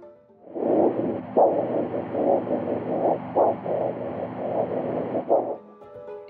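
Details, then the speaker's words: Doppler arterial flow signal over the arm artery in a patient with a ventricular assist device (VAD) during blood pressure assessment: continuous swishing, whooshing flow with faint periodic surges, about five seconds. "blood pressure in vad patients is best measured using a doppler device electronic blood pressure measuring systems are often inaccurate in VAD"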